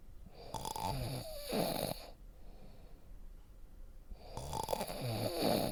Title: SNORING- RELAXING SNORING SOUND FOR DEEPER SLEEP